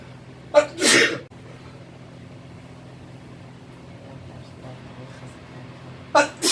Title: My boyfriend sneezing on me in the bathroom (m)